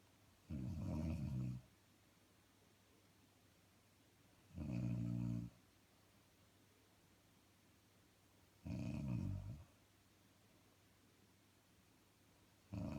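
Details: Woman snoring: slow, regular, low rattling snores about every four seconds, roughly 15 a minute, with quiet gaps between; ordinary snoring.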